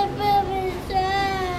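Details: 4-year-old boy who is very sick with an ear ache, crying after getting a shot at a doctor's appointment: high, tonal wailing in two long sustained bursts.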